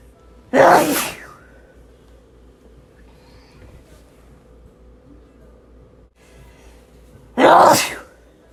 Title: 100+ Sneezes Compilation